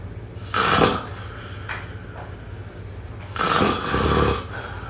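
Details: Snoring: two rough, fluttering snores on breaths about three seconds apart, with quiet room noise between.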